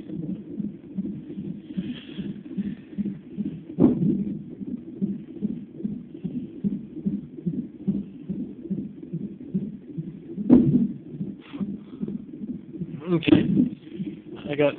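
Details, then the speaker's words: Fetal hiccups, a male baby, recorded in pregnancy: a fast, steady whooshing pulse broken by three sharp, sudden jolts; one jolt judged a kick and hiccup together. "He's getting mad at his hiccups. That sounded like a kick. It was a kick and a hiccup at the same time."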